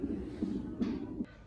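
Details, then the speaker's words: Fetal heartbeat on a hospital fetal monitor during labor with real contractions the mother barely feels: rapid, regular whooshing pulses, about 150 beats a minute. "I don't know if you guys can hear it. Baby's heartbeat."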